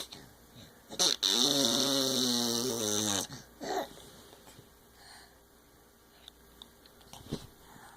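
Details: A sleeping baby girl, recorded just after midnight, makes one drawn-out, tonal, squeaky snoring noise of about two seconds, framed by short breathy sounds in a quiet room; a variant of snoring.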